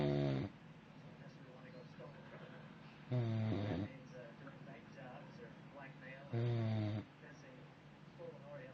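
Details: A man, described as a grizzly bear who claims he doesn't snore: deep, groaning snores about every three seconds, roughly 19 a minute, over faint room noise; heavy snoring.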